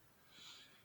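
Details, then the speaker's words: Lung auscultation in a 65-year-old patient with respiratory difficulty, compared bilaterally: very faint, soft airflow hiss on the right side, diminished vesicular breath sounds. "la zona derecha se puede apreciar el disminuido el murmullo vehicular el cual representa el aire que cruza y recorre las vías aéreas"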